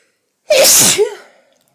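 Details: A single loud, explosive sneeze with a sharp hissing burst of air and a voiced 'choo' tail, in a quiet room.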